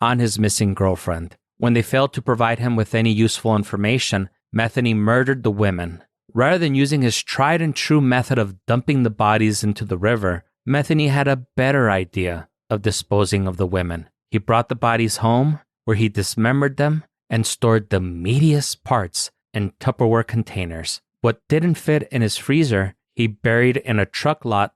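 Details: Adult male narrator, possibly synthesized voice; normal speech.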